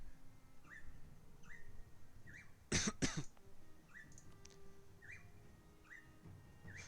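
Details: Gamer with a cough he attributes to allergies, denying COVID: two quick dry coughs over low room noise and faint game sounds, a short coughing bout.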